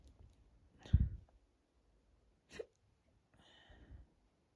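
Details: A few abrupt, jerky breath catches with soft thuds separated by quiet, after deliberately drinking lots of water to induce hiccups; stomach very tight, hiccups quieter than expected; hiccups.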